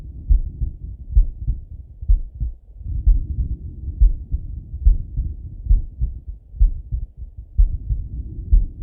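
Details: Male, lying on his left side, heart auscultated with a stethoscope: steady, muffled, low thumping heartbeat at about 64 beats per minute.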